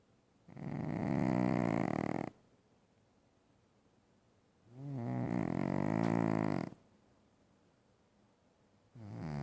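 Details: Heavy snoring during sleep: loud, long rattling snores about every 4 seconds, with quiet pauses between breaths.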